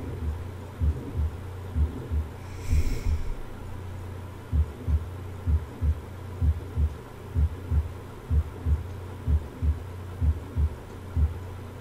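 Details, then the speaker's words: Abnormal heart sounds: regular lub-dub beats of about 63 a minute with added noise between the beats, a heart murmur. "this is a normal sound over the apex of the [Music] heart and then you hear some abnormal sounds [Music]"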